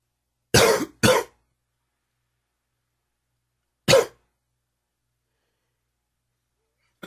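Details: Three harsh, rough coughs in a quiet room, two close together then one alone; smoker's cough, worsened by humid weather and heavy smoking.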